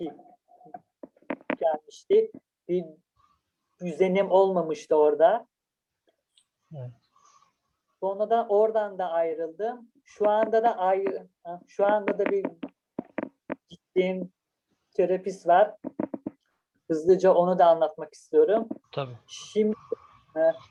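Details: Adult speaker; stuttering.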